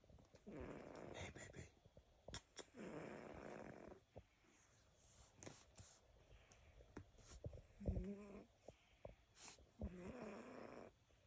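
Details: Sleeping subject snoring: soft, rasping breaths that come and go in slow cycles, with a few light clicks; gentle snoring during sleep.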